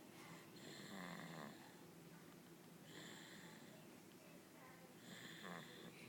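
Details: Pax snoring after falling asleep: three rattling, buzzy snores at a slow, uneven rhythm, with steady room noise between them.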